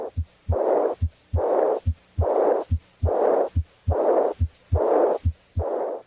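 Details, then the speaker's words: Aortic regurgitation murmur heard with the stethoscope diaphragm at the left second interspace down the left sternal border: regular heartbeat near 70 a minute, high-pitched soft blowing decrescendo diastolic murmur after each S2. "listen at the left second interspace and down the left sternal border to the apex for the high-pitched soft blowing decrescendo diastolic murmur of aortic regurgitation pause periodically to allow the patient to breathe if the patient had this murmur it would sound like this"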